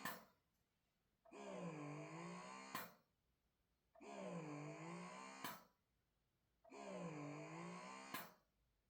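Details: A quiet motor whirs in rising and falling cycles about every 2.7 seconds, each ending in a click: a wearable breast pump during a decibel noise test.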